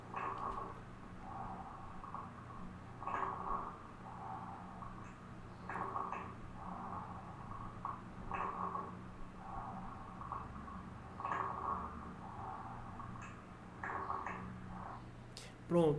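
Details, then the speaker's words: Repeated breaths carry brief, fine crackling pops, like hair rubbed near the ear, heard mainly over the lower lungs and suggesting conditions such as pneumonia: fine crackles. "aqui esses sons são predominantemente esses sons são mais escutadas na minha parte inferior do meu pulmão e ele vai me indicar muito a presença por exemplo de pneumonias no paciente"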